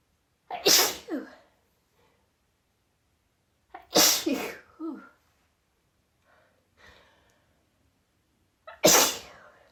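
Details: Sudden out-of-the-blue sneezing fit, recorded after about five sneezes had already occurred: three sharp, explosive sneezes a few seconds apart, each preceded by a short breath in, in a quiet room.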